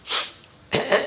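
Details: A single imitated sneeze with a breathy intake and sharp burst, illustrating sneezing in children with allergic rhinitis, which often coexists with adenoids and obstructive sleep apnea.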